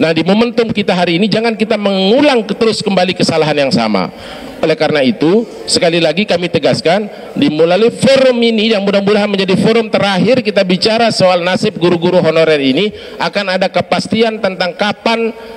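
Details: Adult male speaker; normal speech.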